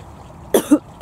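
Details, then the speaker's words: One short cough with a sharp onset and a voiced tail in a quiet room, from a woman with breast cancer on immunotherapy who has cough and breathlessness from a lung reaction and is awaiting lung drainage. "so i'm going there today just to get this cough breathlessness looked at and hopefully coming back very quickly"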